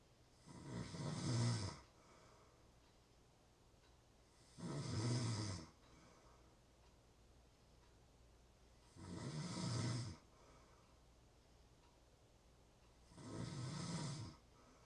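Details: Real snoring: deep, rattling snores about every four seconds, roughly 15 breaths a minute, with quiet exhales between.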